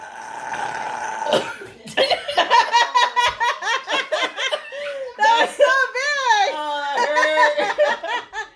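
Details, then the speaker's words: Loud deep burp after chugging Sprite in a hold-your-burp challenge, followed by laughter and excited chatter in a small room; burping. "that came from way deep oh God"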